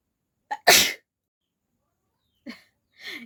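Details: Induced sneeze challenge, nose tickled with an ear-cleaning stick, no handkerchief: quick in-breath, one loud explosive sneeze, then brief breathy sounds.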